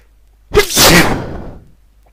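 One loud, explosive sneeze with a brief lead-in and a hissing burst of air that fades over about a second; an ordinary sneeze.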